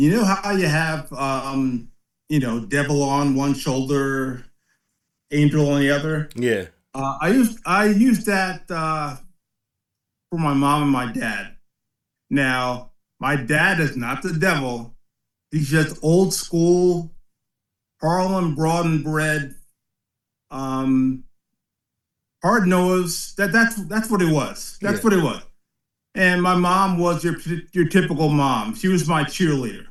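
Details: Aphasia in a 56-year-old man, about twelve years after a 2013 ischemic stroke at the back of the brain that also affected balance and strength; his speech worsens with fatigue late in the day and was unintelligible at onset.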